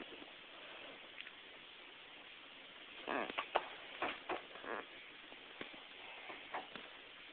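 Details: A cat sneezing: a quick run of short, breathy sneezes in a quiet room.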